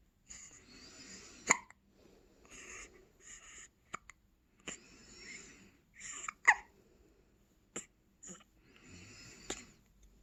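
Sharp, clipped gulping sounds break into soft breathing every few seconds, about 12 a minute, typical hiccups.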